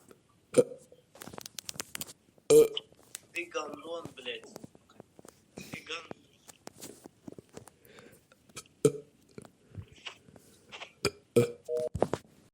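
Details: Snoring-prank phone call: several loud burps over a phone line, between quiet muffled speech and noises. Burping.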